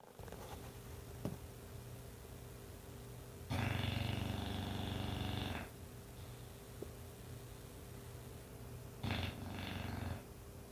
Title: Snoring English bulldog